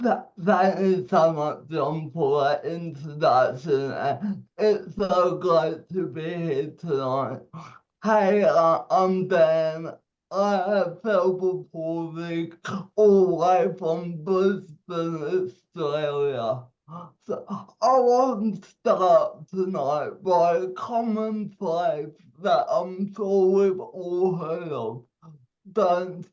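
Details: 27-year-old man with cerebral palsy, told at birth by a doctor he would never walk or talk, giving a speech; dysarthria.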